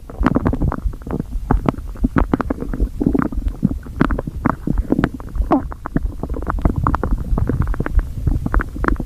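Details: Stomach after overeating: continuous low gurgling and rumbling with rapid bubbling pops throughout: stomach growling, bowel sounds.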